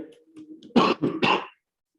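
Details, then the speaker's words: Adult man coughing again, apologizing, during an online talk: three quick, loud coughs in a row after a faint low murmur. "Saya lagi-lagi batuk mohon maaf ya Jika mengganggu telinga ini"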